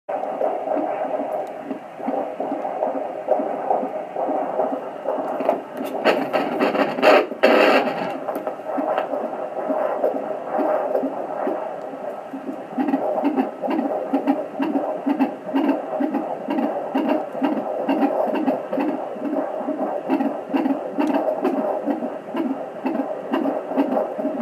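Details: Fetal heartbeat at 36 weeks' gestation, rate 140–150 per minute: a fast, even whooshing pulse on Doppler within normal range; normal fetal heartbeat.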